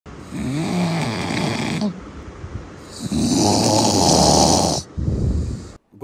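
Loud, rough, rattling snores on two long breaths, with a shorter third noise; heavy snoring from vibration in the upper airway.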